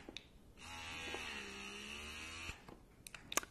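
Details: Bellababy wearable cordless breast pump running in expression mode at its highest level, described as very loud: a steady motor hum with a whirring tone for about two seconds, then clicks.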